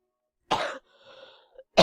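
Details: Two forceful, harsh coughs separated by a quiet breathy pause, from an adult recovering from a long-lasting cold.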